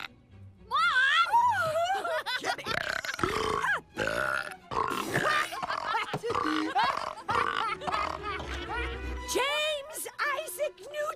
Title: Jimmy Neutron Boy Genius Burping Soda